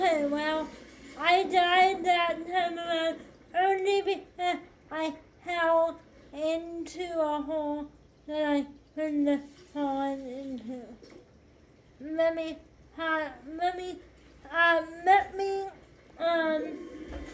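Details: 25-year-old woman with cerebral palsy affecting hand movement and walking; speech during a live gaming stream; speech in cerebral palsy.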